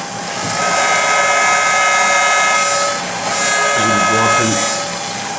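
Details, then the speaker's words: Dental implant drill at 1200 RPM with in-and-out motion, drilling an osteotomy for a 3.5 Bioner implant in a dummy mandible (training simulation): steady high motor whine with in-and-out strokes cutting into the model. "So we start our drilling again, 1200 RPM, in out motion."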